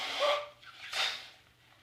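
Two quick hissing, snorting bursts of air through the nose, a sneeze pattern.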